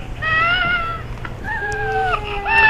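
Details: Cri du chat syndrome (chromosome 5 deletion): a high, thin, mewing cry like a kitten's, in drawn-out wails.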